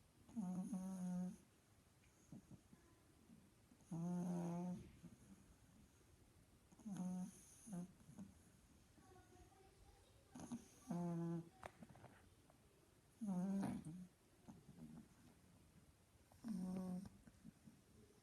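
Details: Sleeping pug puppy snoring loudly: regular loud, low rattling snores, six in about 18 seconds (roughly 20 breaths a minute), in a quiet room.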